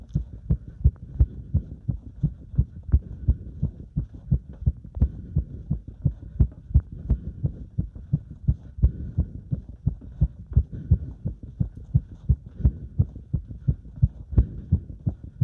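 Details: Heart sounds recorded during step exercise: fast, regular heartbeat at about 170 beats a minute with strong thumping beats; normal heart speeded up by exercise.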